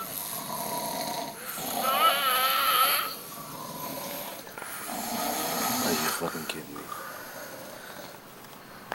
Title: agnes snoring duel